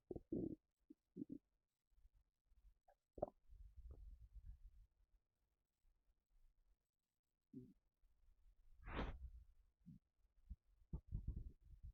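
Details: Stomach rumbling while sitting down: quiet low gurgles and rumbles with pauses between them, plus one louder squeaky gurgle; ordinary bowel sounds (borborygmi).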